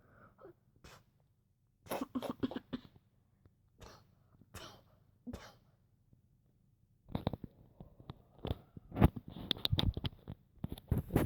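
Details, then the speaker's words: Person sneezing with eyes open: a run of short, sharp sneezes in a quiet room, some in quick succession. "You're just sneezing."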